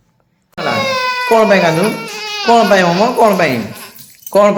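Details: Baby girl in a village crying loudly in voiced, rising and falling wails, reportedly crying for food and angry; infant crying.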